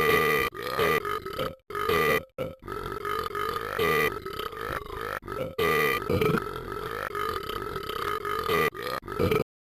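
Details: Adult belches repeatedly, long rumbling burps with only brief pauses between them: repeated eructation.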